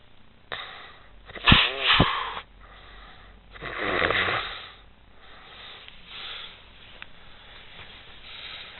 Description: Teasing hot girlfriend as she is sleeping soundly and snoring loudly 💤😴😪.